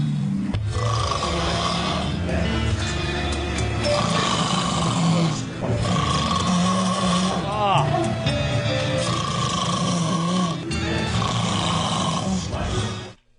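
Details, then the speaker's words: An adult woman snoring: loud, harsh, rasping snores in slow regular cycles about every five seconds, with music and background noise mixed in. "we got an audio clip of her snoring this is just horrific yeah this is real sexy and feminine"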